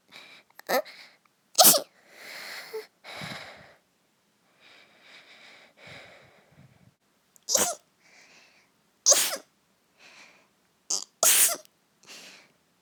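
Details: Simulated cold sneezes, acted in a cute anime-girl style: several high-pitched sneezes with breathy in-breaths between them.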